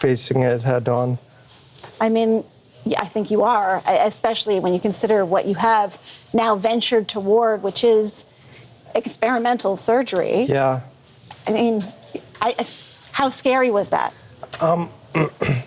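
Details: Adult speakers in conversation; normal speech.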